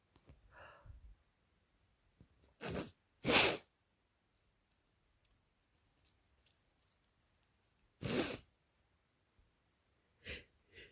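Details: Person with spring allergies after window left open for hours, real-time sneezing fit: several sharp explosive sneezes in close succession with brief in-breaths between, quiet room.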